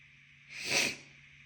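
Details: A wet sneeze from a tickling nose: a single loud, hissing sneeze burst with a short build-up; an ordinary sneeze.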